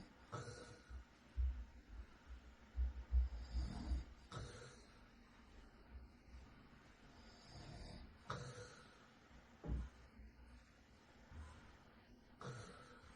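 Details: Real night recording of an adult man asleep: quiet, irregular low rumbling breaths with faint background noise. Soft snoring.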